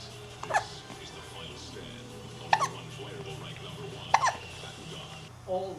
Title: hiccups